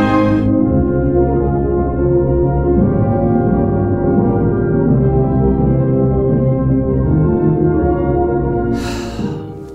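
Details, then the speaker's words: Simulation of Beethoven's early hearing loss, trouble hearing instruments' high notes: orchestral music of his 5th Symphony sounding dull and muffled with high notes cut away; high-frequency hearing loss simulation. "Beethoven hat selbst gesagt, dass er am Anfang seiner Schwerhörigkeit Mühe hatte, die hohen Töne der Instrumente zu hören. Das klang dann wahrscheinlich so."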